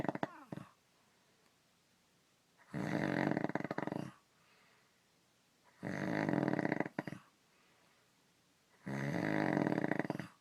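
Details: Snoring from an adult man (husband) asleep: loud, rough snores on each breath in, about three over ten seconds, with quiet pauses between.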